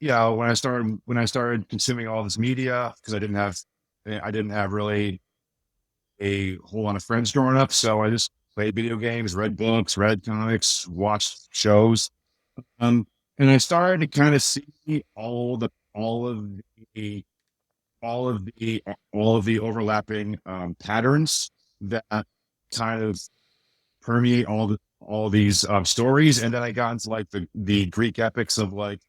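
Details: Adult male with a speech impediment since childhood, much worse then and greatly improved, still mildly audible; speech impediment with disfluency.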